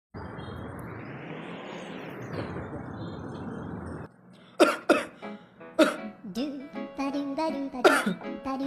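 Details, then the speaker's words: Simulated cough in a tea advertisement skit: after a burst of music, an adult gives several sharp, acted dry coughs with some voiced sounds, portrayed as coughing continuously; cough. "kok kamu dari tadi batuk terus sih Iya nih aku batuk terus dari tadi"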